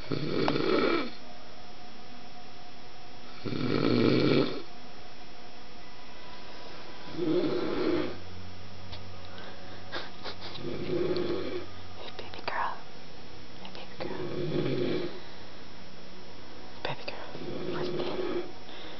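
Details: Adult husband snoring during sleep (he denies snoring): six loud, rough snores at a steady pace, about one every 3.5 seconds, roughly 17 a minute, with faint room noise between.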